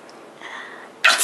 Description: Baby laughing at sneezing